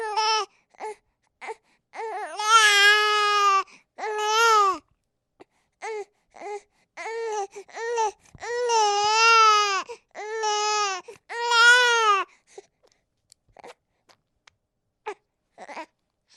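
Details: Infant crying, from a baby sound sample: repeated bursts of loud, high-pitched wails that rise and fall, with short pauses between them.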